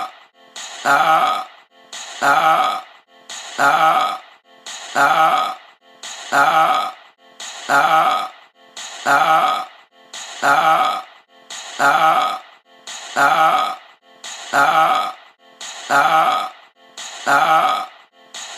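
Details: About thirteen identical groaning, belch-like sounds at a steady pace, around 44 a minute: a looped burping sound.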